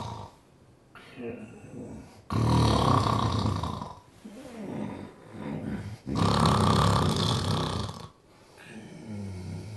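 Acted imitation of two loud, rough snores on the in-breath, with quieter breathing between them, about 16 breaths a minute. Finding: snoring.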